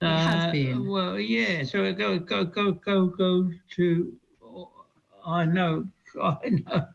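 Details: Adult male actor left with severe aphasia after a stroke, called one of the most severe cases by his speech therapist; he cannot speak and communicates mainly by gesture; severe aphasia.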